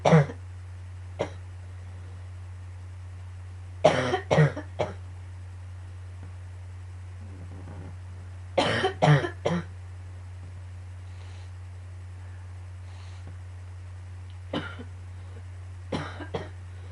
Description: yet again with the coughing fits...grrrr